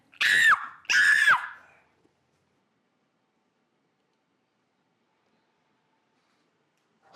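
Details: Two sudden, loud, high-pitched screeches in quick succession, then silence: a screaming vocal tic in a young woman with an extreme form of Tourette syndrome. The tic began about a week earlier.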